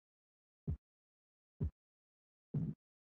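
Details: Korotkoff sounds heard during blood pressure measurement at the brachial artery.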